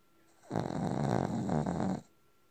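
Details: Single long, low, rattling, fluttering snore of about 1.5 seconds from a dog named Benji in a quiet small room.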